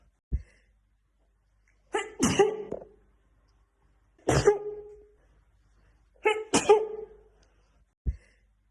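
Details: Black woman's sneezing fit, looped edit: three sneezes in a row, each with a drawn-in breath before the forceful burst, bracketed by short clicks; repeated sneezing fit.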